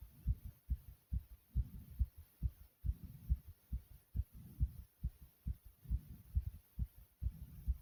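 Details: The person's own rapid, strong heartbeat at about 140 per minute, recorded with heavy breathing, with a soft rushing sound between beats: a fast heart rate.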